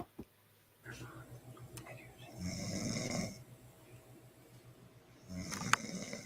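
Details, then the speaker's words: Woman snoring in sleep: soft, rough snoring breaths against a quiet room with a few clicks; mild snoring. "and then they're going to have breakfast and have a great time a great day it's just it's snoring and it's funny"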